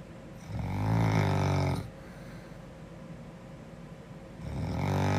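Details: Snoring girl: loud, low rattling snores on the breath in, with a quiet pause between breaths; ordinary snoring.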